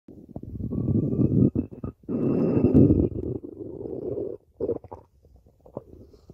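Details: Stomach growling: long low gurgling growls with pauses between them, ordinary borborygmi from gas and fluid moving through the gut.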